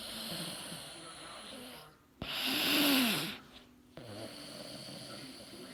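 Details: Snoring in a male (boy), recorded 1/2017: one loud, harsh snoring breath against steady background hiss, quieter breathing on either side; snoring.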